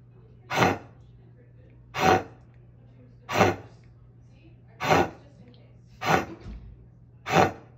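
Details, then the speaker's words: A dog with kennel cough (canine infectious tracheobronchitis) gives six harsh, dry coughs in a steady series; nasty, typical kennel cough. "Well, that is a nasty cough. And the thing with kennel cough, though, is that it can be caused by different respiratory infections, and it spreads so quickly and easily."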